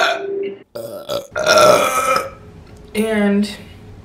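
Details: Several loud, drawn-out voiced burps, croaking releases of swallowed air, with brief pauses between them; burping.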